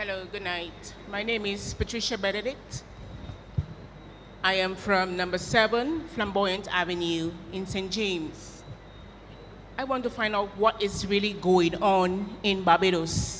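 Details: Adult woman speaking at a public meeting; ordinary speech.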